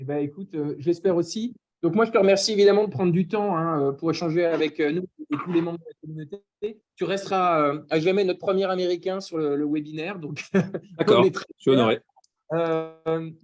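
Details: Adult male speaker; typical voice.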